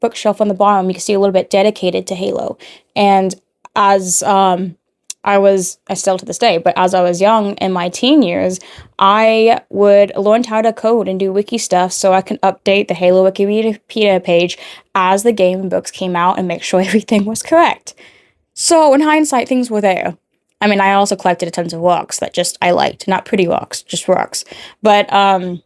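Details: 29-year-old woman with a lifelong speech impediment, unable to pronounce R sounds about 95% of the time and sometimes inconsistent on certain words; she chooses not to treat it; rhotacism.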